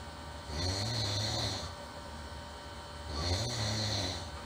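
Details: Two loud, harsh, buzzing snores with a whistling edge, each on breathing in, from a human over steady background hum.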